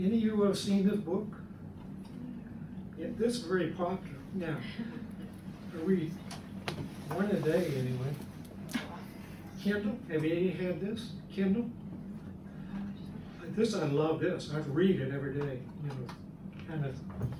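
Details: Adult man speaking years after a left-hemisphere stroke, in the chronic stage and improving with therapy: nonfluent aphasia with apraxia of speech.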